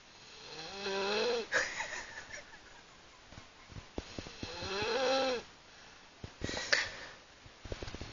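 Two long, rattling snores with a rising tonal whistle, separated by quieter breathing and small clicks; ordinary snoring.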